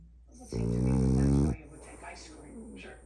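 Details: Merle French bulldog puppy snoring: one loud, drawn-out, buzzing snore about a second long, then quieter snuffling breaths; faint TV talk in background.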